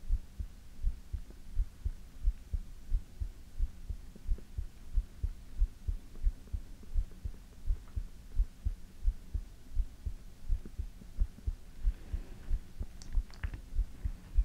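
Soft, regular low thumps at about 90 beats a minute over a faint hum; a normal heartbeat.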